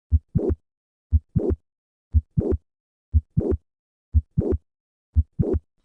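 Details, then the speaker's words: Regular heartbeat near 59 per minute with a sharp midsystolic click and late systolic murmur, shifting later in systole on squatting (larger left ventricle) versus standing; mitral valve prolapse. "s like squatting that increase left ventricular size at the start of systole cause the click to move later however maneuvers like standing that decrease ventricular size at the start of systole caused the click to move earlier"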